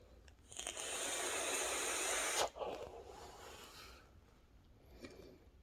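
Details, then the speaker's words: A hissing nasal spray burst of about two seconds, followed by a faint sniff, as an adult sprays their nose while talking. "I think I need to spray my nose with that nasal spray."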